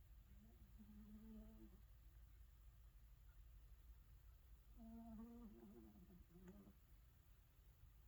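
Two soft, buzzing, hum-like snores from a sleeping cat, with a faint room hiss behind them; gentle snoring.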